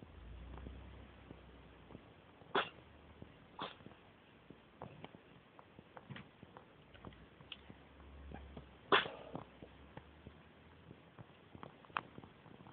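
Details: Cat sneezing for about 10 minutes, fighting every sneeze: a run of short, sharp sneezes, several strong bursts among smaller ones, in a quiet room; paroxysmal sneezing.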